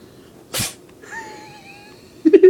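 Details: Cat sneezing: a single sharp sneeze, then a faint squeak and a quick snort.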